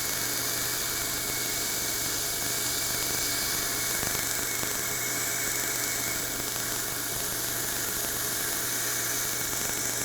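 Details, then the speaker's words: Steady loud hiss with faint rapid crackling and a thin whine: an Erbium YAG hard tissue dental laser with water spray at relatively low energy, passed back and forth over e.max lithium disilicate veneers to remove them. "we are going to use water with this and gain relatively low energy and we're just going to go back and forth over the surface of the restoration"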